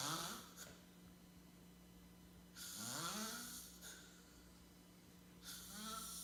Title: snoring in the living room